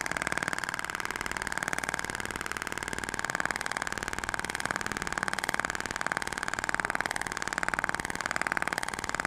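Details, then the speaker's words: Thork radial shock wave (ESWT) applicator firing during a facial skin-quality treatment below the chin, with gel, 6,000 shots spread over the face: rapid, steady mechanical tapping, about two pulses a second. "A então eu distribuí 6.000 disparos vejam como é rápido o tratamento né"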